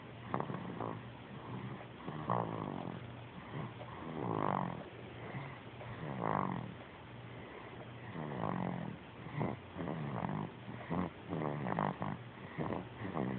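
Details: Snoring during sleep: rattly, uneven snores repeating about thirty times a minute.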